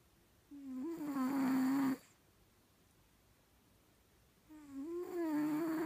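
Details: Snoring in a cat: two tonal, whistling snores with a rising-falling pitch, separated by quiet pauses.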